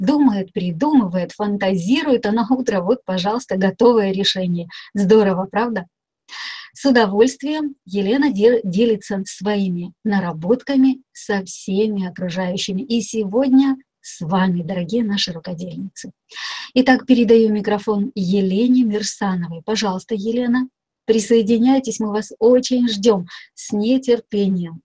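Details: Adult woman speaking; normal speech.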